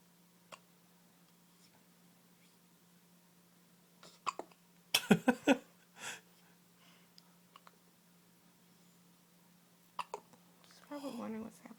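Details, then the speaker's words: Baby girl with hiccups that are getting harder: brief, irregular catches in the infant's breathing in a quiet room, ending with soft fussing; she seems upset by them. "She looks so mad. I know. It's because she hates the hiccups you gave her. I thought they were done. They're getting harder."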